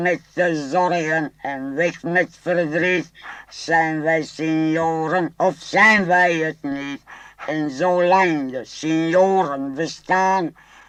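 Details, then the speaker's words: Singing after removal of the larynx, recorded in 1964, using a pneumatic artificial larynx built in 1952 with a squeaker membrane: a steady, buzzy, reedy tone carrying a simple melody in held notes with slight pitch shifts. "I was inspired by a balloon with a little squeaker in it when we pinched the balloon out comes a specific sound this little squeaker was worked into my apparatus in a form of a membrane"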